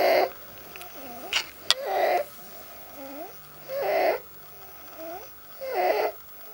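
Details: Stridor, loud noisy whistling breathing, in a clip on stridor auscultation and differential diagnosis (inspiratory and expiratory stridor, "childhood snoring").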